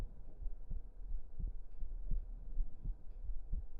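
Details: Close-up ASMR heartbeat recording for relaxation: soft, deep, regular thumps at roughly 80 beats per minute under a low rumble; normal heart sounds.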